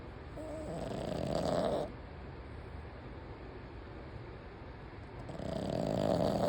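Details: Two drawn-out rasping inspiratory snores separated by a quiet pause, soft and steady, from Button, usually a quiet sleeper; snoring.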